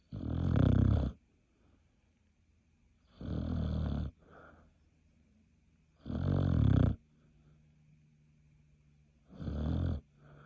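Four loud, low, rattling snores about every three seconds, roughly 20 per minute, with quiet breaths between: a sleeping dog snoring.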